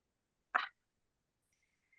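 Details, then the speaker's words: The speaker's dog coughing, heard again shortly after: a single short, quiet, harsh burst at a distance in a quiet room. "Sorry, one of my dogs is coughing. I don't know if you hear that."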